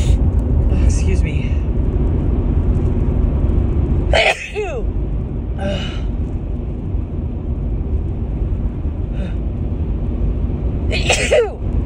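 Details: Repeated sharp sneezing fits in a female, with a cold or allergies, heard over a steady low background rumble; she says "excuse me" between bursts.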